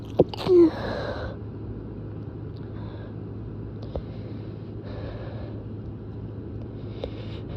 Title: Stifles to strong sneezes